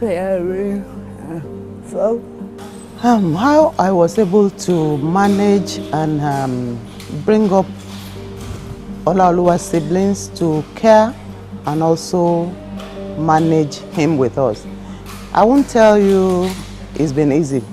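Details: Adult speaker; normal speech.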